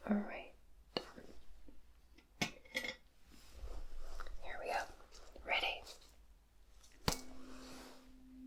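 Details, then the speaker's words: A sharp strike followed by a steady low humming tone: a tuning fork sounded three times for a hearing check during a simulated, role-played ASMR cranial nerve exam; hearing judged fine. "all right so chinning Fork yeah that was absolutely fine okay there's no problems there with your spells"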